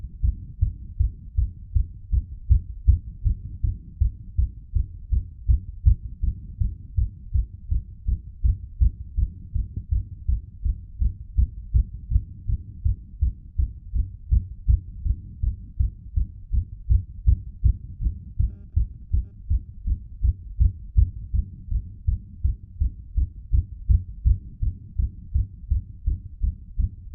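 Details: Rapid, regular low heart thumps with a steady rhythm, recorded while pressure was applied to the heart using gravity; a fast heartbeat (tachycardia).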